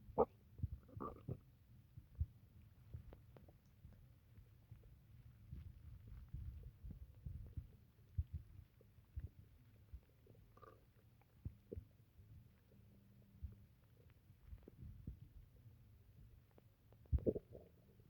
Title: stomach noises from drinking water